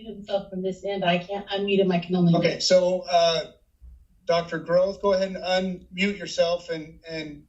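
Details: Adult speaker; normal speech.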